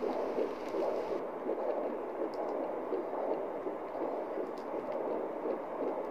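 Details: Rapid rhythmic whooshing pulses over steady hiss: fetal heartbeat picked up at home with a fetal Doppler placed above the pubic bone at 11 weeks of pregnancy.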